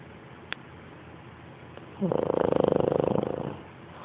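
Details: Snoring: one fluttering, rattly snore lasting about a second and a half in a quiet room, a purr-like vibration during breathing in sleep.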